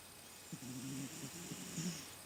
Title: snores